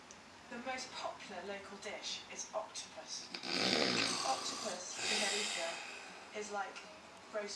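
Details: Dad asleep and snoring loudly: rough snoring breaths over a television programme playing in the background.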